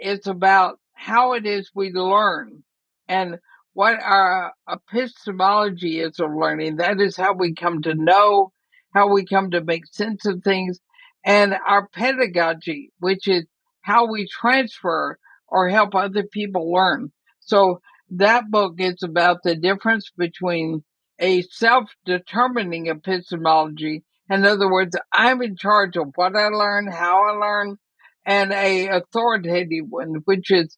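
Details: Dysarthria in an 80-year-old woman with ALS (Lou Gehrig's disease), which also affects her breathing; she says she is already having quite a bit of trouble speaking but is still intelligible.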